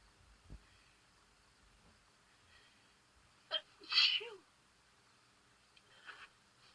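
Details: Person with allergies flaring, outdoors: quick in-breath then one forceful sneeze, with sniffling around it; allergy sneezing.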